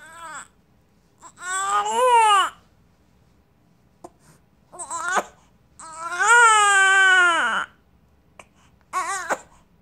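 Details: Infant who has the hiccups cries in several long, wailing bursts with short pauses between them, an ordinary infant cry.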